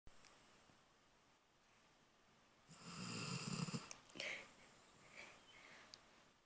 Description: My pit bull Cassie snoring and one eye half open.